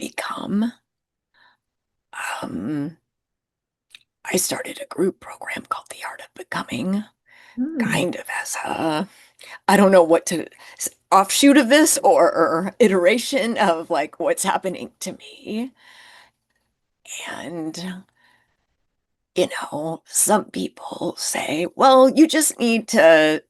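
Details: Adult woman with spasmodic dysphonia, who identifies with the spasmodic dysphonia community and finds phone calls challenging; spasmodic dysphonia.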